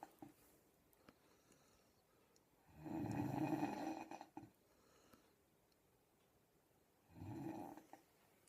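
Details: "Miss Piggy" snore: two long, rough, low rattling breaths about four seconds apart, with quiet room noise between.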